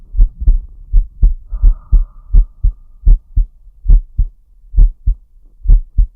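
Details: Heart and breathing sounds of a VTuber, recorded as ASMR for relaxation and sleep, with respiratory arrhythmia noted: steady paired lub-dub beats about 75 a minute with slight variation in spacing, brief low background hum; normal heart sounds.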